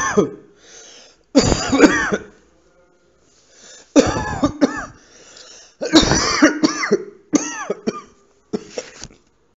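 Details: Repeated harsh, throaty adult cough bursts in short clusters, with quieter breaths between, in a small quiet room.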